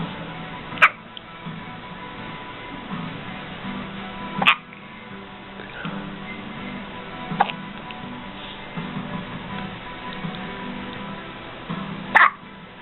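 Four sharp, isolated hiccups a few seconds apart over background music; ordinary hiccups.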